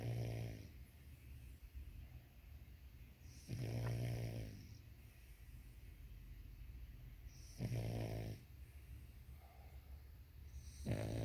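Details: A sleeping dog makes low, rumbling snores at about 16 breaths a minute, with soft breathing between: ordinary snoring.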